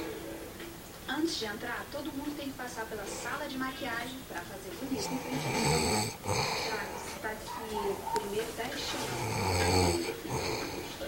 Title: Vai roncar assim la adiante sOOoH